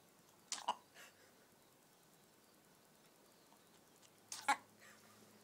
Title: Chicken Sneezing